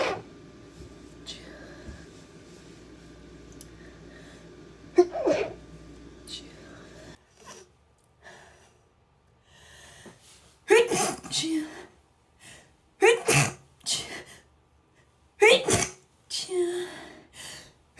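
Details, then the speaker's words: Girl sneezing: several sharp, breathy sneezes in quick succession after a quieter stretch, in a small room; ordinary sneezing. "Finally got some more sneezes for you guys."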